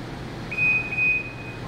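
Two short high electronic beeps over quiet room noise as an infusion pump switches on; a normal device power-on tone.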